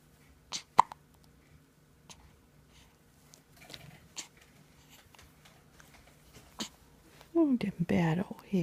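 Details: An infant not even a week old, trying to sleep, has several brief, sharp, irregular hiccups in a quiet room, followed by a short burst of voiced speech.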